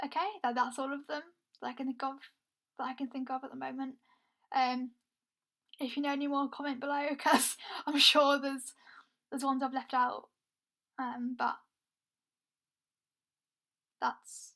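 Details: Stuttering (stammering) in a woman who is also blind; she describes her stammer as struggling to speak, with blocks where no air gets through and words taking a long time to come out.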